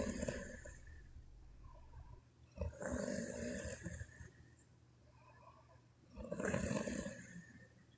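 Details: Sleeping Chinese woman snoring: loud, rattling snores on each breath in, roughly every three to four seconds, with quieter breathing between.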